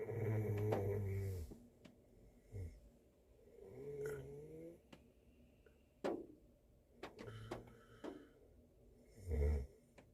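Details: Korean man snoring while asleep in a car on a snowy day: low rattling inspiratory snores with snorts and soft vocal groans, faint clicks and tapping in the quiet car.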